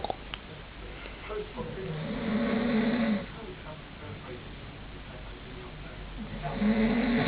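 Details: Person passed out asleep: two low, rumbling snores on the in-breath with a quiet stretch between, over background noise; snoring.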